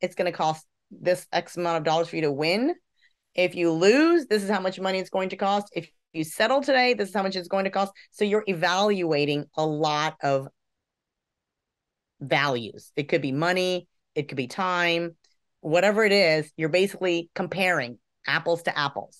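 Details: Adult speaker; ordinary speech.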